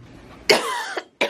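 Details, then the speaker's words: Adult woman with seasonal allergies at a walk-in clinic, red nose, with a coughing fit; albuterol inhaler and nasal spray were prescribed. One harsh cough burst, then a short second cough. "when she came and I started to a coughing fit but luckily that's gone but if my nose is red that's why"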